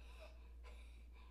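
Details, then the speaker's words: Imitated wheeze, in an explanation of childhood asthma signs, noting wheezing may be heard when a child breathes very hard: a high-pitched whistling sound of air through narrowed airways. "you can sometimes hear wheezing if they're just breathing very hard so i have seen it happen"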